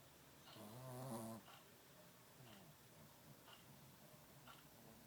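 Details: Adult female Shih Tzu ("mommy xi-shi"), tired, sleeping in the morning: loud buzzing snore at the start, then softer snuffly breaths in a quiet room; snoring.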